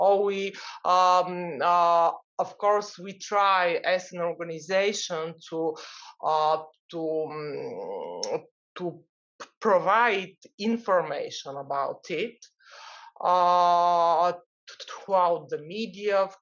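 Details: Adult man from the Netherlands who stutters, at times a lot, and still finds his stutter hard to accept; long pauses between words suggest blocks; stuttering.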